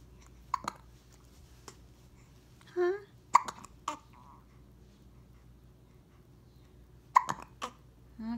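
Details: Short, sharp hiccups from a 6-week-old infant, coming irregularly at roughly 16 a minute in a quiet room, with one small vocal sound; ordinary infant hiccups.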